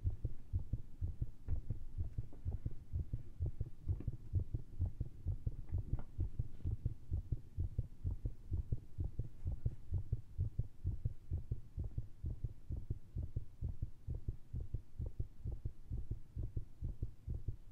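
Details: Rapid, uneven heartbeat thumping at about 130 beats a minute with unequal gaps, recorded via stethoscope with lav mic after heavy caffeine, in a recording meant to make it irregular.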